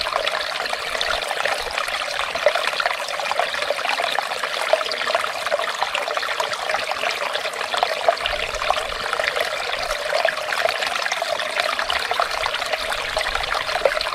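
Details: Continuous rushing, trickling water of ear irrigation during clinic ear wax removal performed under a microscope.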